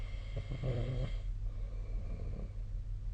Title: 🐽 本日のイビキ / Snoring Sleep Sound 2025/02/02